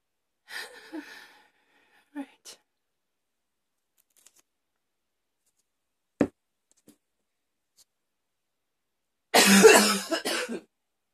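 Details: Hard, forceful coughing fit during an afternoon: a few scattered coughs and throat sounds in a quiet room, then a forceful burst of coughing.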